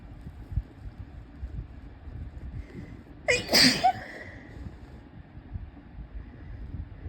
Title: Female Sneezing